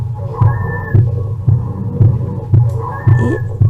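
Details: Child on a virtual auscultation simulator, acute bronchiolitis: harsh breathing with dry, whistling wheezes and moist crackles over rapid regular heartbeats.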